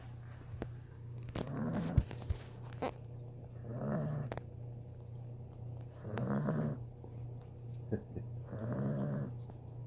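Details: Loud, rumbling snores from a sleeping female puppy, about 26 breaths a minute, with a steady background hum; snoring.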